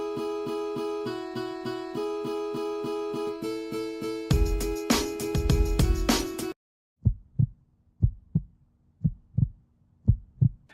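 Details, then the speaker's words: After music, steady paired lub-dub normal heart sounds at about 60 beats a minute, heard through a stethoscope by a child during a school project on the heartbeat. "Он слушает специальным аппаратом, который называется стетоскоп. Мне дали возможность послушать биение сердца стетоскопом. Я услышал тук-тук-тук."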